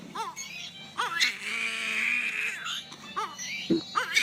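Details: Biphasic stridor with abnormal voice in a boy treated for wheeze for almost 12 years, with a history of intubation at age 2.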